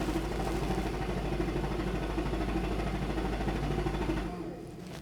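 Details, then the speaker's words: Chest wall oscillation vest for cystic fibrosis airway clearance, 13 Hz, pressure 6, six minutes: steady rapid buzzing vibration running continuously before winding down at the end. "so basically with this protocol the only thing changing is your hertz each time"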